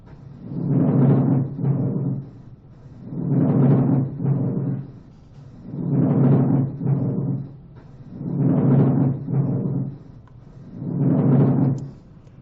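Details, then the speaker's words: Pleurisy, parietal pleura rubbing against visceral pleura; grating, rasping static-like sounds with each breath in and out, about 24 breaths per minute; pleural friction rub. "whenever there's rubbing you can you can hear that static or or that friction so that's a plural friction rub"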